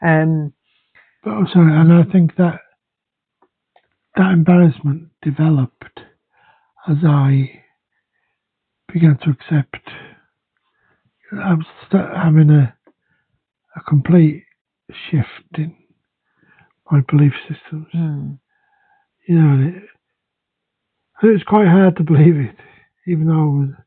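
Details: Man with aphasia/dysphasia affecting speech and language, including reading, after his second stroke; aphasia after stroke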